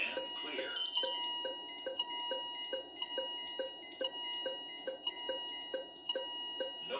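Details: Steady beeps at about 70 per minute overlaid with sustained alarm tones from a Philips IntelliVue MP30 monitor, rhythm generated by an ECG simulator, with ZOLL E Series defibrillator intervention: simulated patient monitor alarm.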